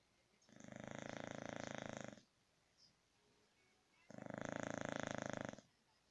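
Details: Sleeping English Bulldog giving two long, loud, rattling snores separated by a quiet pause; snoring.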